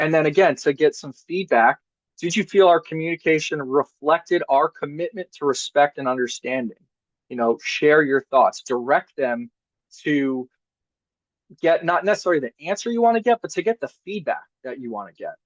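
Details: Adult male speaker; normal voice.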